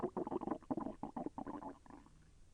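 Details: Digestion sounds from the person's own abdomen, with intestinal movement that was a little painful: bubbling, gurgling rumbles for about two seconds, then fading; bowel sounds (borborygmi).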